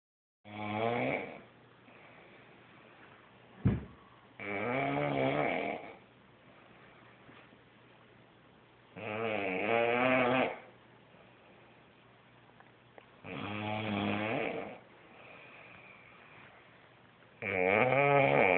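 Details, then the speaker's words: Female snoring while asleep: loud, rough snores on each in-breath, about 14 per minute, separated by quiet pauses. "and you hear the beast slumbering ooh that was a good one"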